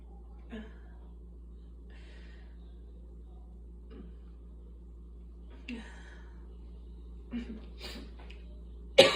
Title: Coughing from Asthma